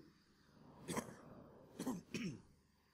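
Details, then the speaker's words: Three short, rough coughs with a brief pause after the first, in a quiet room, from a preacher during a church sermon whose voice is hoarse from flu (grippe); cough. "Excusez, ma voix est un peu enrouée par la grippe et ça ne va pas nous empêcher de prêcher."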